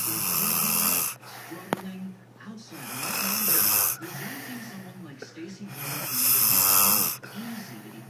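Rough, rattling breaths with a whistling tone, about 20 a minute, rising and falling in loudness. Snoring.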